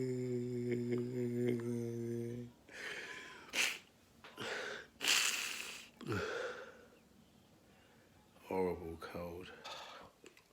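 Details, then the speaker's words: Sneezing fit in a man with a cold: after a short hum, five forceful sneezes in a row with sharp intakes of breath between them. "hello foreign and got a cold my God that was five sneezes I think if there was like two or three more sneezes after that fifth I'd probably suffocate"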